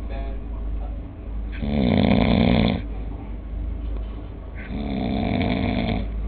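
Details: Loud, rough, vibrating snores over a droning background, two long snores about three seconds apart, from a sleeping man who insists he does not snore; heavy snoring.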